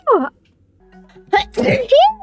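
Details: Girl sneezing: a sharp, explosive sneeze burst between voiced sounds, with music in the background; an ordinary sneeze.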